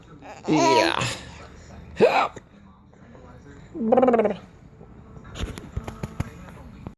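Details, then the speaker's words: 9-month-old baby boy with a bad case of hiccups, playing with his father: short voiced baby sounds and giggles with a few abrupt hiccup catches, then rustling handling noise: hiccups. "You still have the hiccups? Yeah. Uh-huh. Let's see if we can make hiccups go away."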